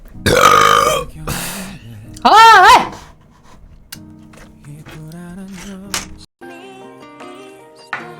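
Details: Korean streamer's burp compilation: several loud, drawn-out voiced burps, one rising and falling in pitch, with music and quieter talk in the background.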